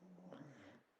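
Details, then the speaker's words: Dog snoring while asleep after a morning out, tired: a low, rumbling snore that fades at the end in a quiet room. "And sorry if you can hear my dog snoring. Buster has been out shopping this morning, so he's been meeting his public. He's tired."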